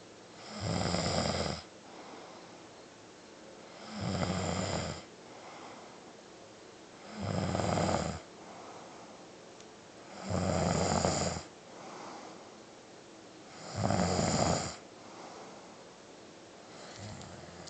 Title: See? You DO snore!